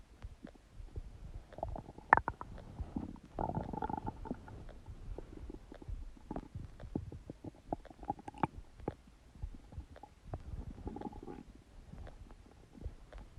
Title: Huge stomach gurgling sound | My Stomach Makes Noises